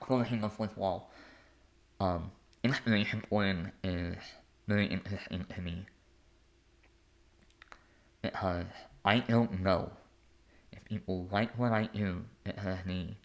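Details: Adult male artist and conductor with a lifelong speech impediment; speech impediment.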